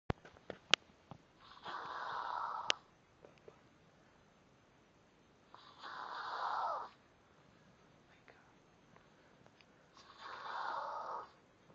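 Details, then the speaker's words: A woman who is awake, with her head not on the pillow, makes three rough, fluttering snore-like breaths about four seconds apart, each over a second long; a stuffy nose is asked about; deliberate snoring while awake. "Ma I think you need to put your head on the pillow because the way you're doing it is making you snore yeah I can hear you in she still snoring she's awake"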